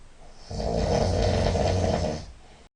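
A long, loud, rattling snore lasting about two seconds: heavy snoring.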